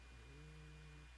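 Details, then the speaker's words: A sleeping French bulldog gives a brief, low, honking snore, faint against a steady low room hum. "If you hear some kind of like honking sound or snoring sound, I have a Frenchie and he's sleeping."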